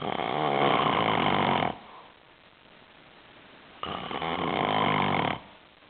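Two loud, rough, rattling snores on breathing in, each about one and a half seconds long, with quiet breathing out between them. Ordinary snoring.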